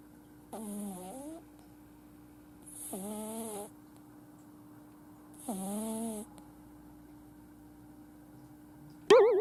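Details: Snoring in a sleeping male flat-nosed Exotic kitten, born July 2018, who snores whenever he sleeps: three regular, nasal, whistling snores with squeaky tones, about one every 2.5 seconds, over a steady background hum.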